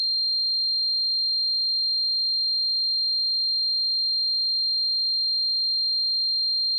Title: 🔊 Tinnitus Sound Effects: What It's Like to Suffer from Tinnitus